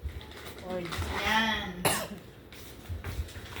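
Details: Adult with a dry cough for almost a month who reports feeling relieved and looser after therapy; a voiced sound followed by one sharp cough burst in a small room.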